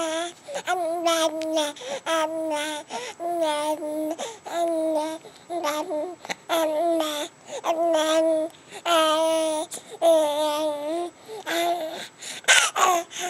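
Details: Baby girl recovering from bilateral vocal cord paralysis, who also had stridor, laryngomalacia and reflux and was fed by J-tube/MIC-KEY button, began vocalizing after a couple of months; infant vocalizations after bilateral vocal cord paralysis.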